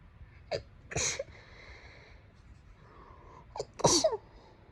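Two sneezes, each a quick in-breath followed by a sharp explosive burst, in a quiet room.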